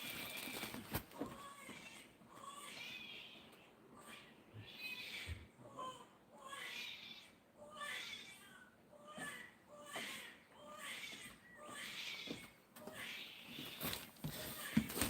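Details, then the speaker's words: Infant crying in repeated short, wavering bursts while having clothes changed, heard somewhat distantly in a room. "yeah we have so you can hear the baby crying so being changed the cloes and stuff"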